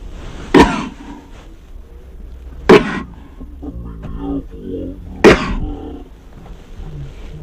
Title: Sneezing Compilation 1 🤧